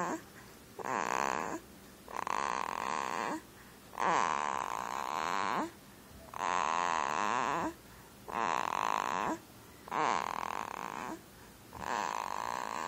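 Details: Loud, rattling snores, one with each breath, about 25 breaths a minute; snoring.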